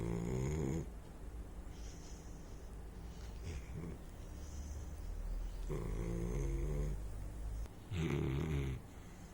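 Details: Sleeping Saint Bernard puppy: irregular low rumbling snores with steady background noise. Snoring.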